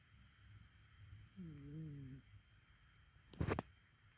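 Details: Sleeping cat: a single soft, humming snore followed by a brief click in a quiet room; finding: snoring.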